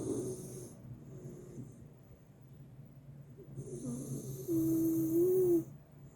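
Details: Sleeping miniature schnauzer snoring unusually loudly and persistently beside another dog, with loud, rattling snores, some ending in a high whistling squeak on the breath in.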